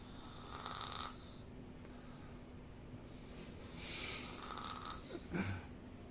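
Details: Nephew snoring during sleep: soft, breathy snores with a whistling edge, one breath cycle roughly every three seconds, ending in a brief snort.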